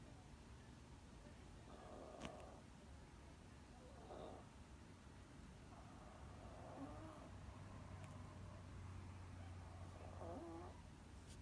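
Soft, quiet snoring sounds from a sleeping cat recur every few seconds over a low background hum.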